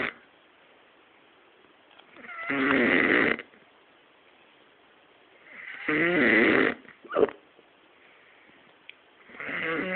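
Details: Sleeping man who denies snoring, snoring while hiccuping in his sleep: loud, rattling snores about 18 a minute with quiet pauses and a brief hiccup-like catch between them.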